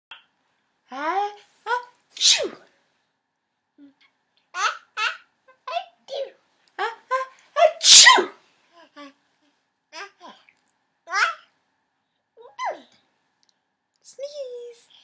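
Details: 14-month-old child pretending to sneeze: a series of short, breathy sneeze-like bursts between giggles and babble; fake sneezes.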